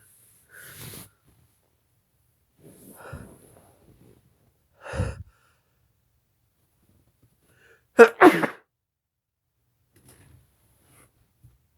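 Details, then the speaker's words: A person deliberately waiting for a sneeze: gasping build-up breaths, then a quick pair of forceful sneezes in a quiet room. "hang on I'm gonna sneeze well for Scarlett's birthday terrible twos I I'm ready for my sneeze to come for Scarlett"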